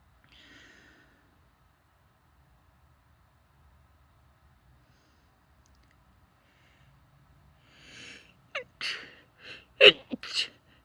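A soft breath, a pause, then a quick run of short, muffled, stifled sneezes with sharp catches of breath between them.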